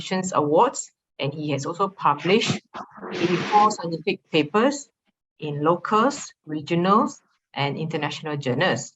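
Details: Adult speaker; normal voice.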